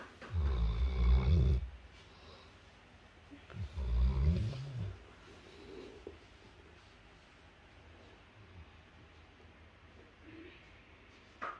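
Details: St. Bernard dog snoring loudly: two loud, deep, rumbling snores, each about a second long, separated by quiet breathing; ordinary dog snoring.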